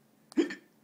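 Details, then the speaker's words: Imitated hiccup: a single sharp, abrupt voiced catch made deliberately by a father, whose real hiccups had stopped, while feeding his laughing baby daughter at dinner. "I'm feeding Elli at dinner and she thinks it's very funny that I have the [Music] hiccups"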